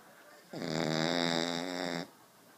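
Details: Dog asleep on a couch: a single long, whistling, pitched snore lasting about a second and a half.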